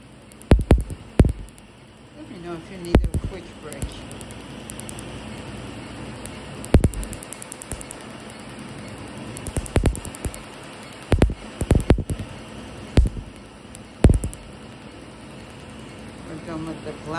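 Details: Laser tattoo removal on an older upper-arm tattoo: sharp snapping laser pulses, single or in quick runs, over faint room noise.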